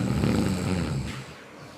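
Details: A comedy skit of a salon client falling asleep during a hair wash: a single loud, low, rattling snore that fades out.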